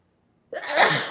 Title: girl sneezes